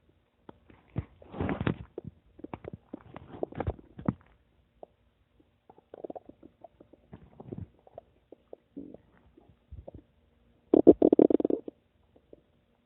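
Irregular bursts of gurgling and rumbling from the belly with quiet gaps, ordinary stomach rumbling from gas and fluid moving through the gut.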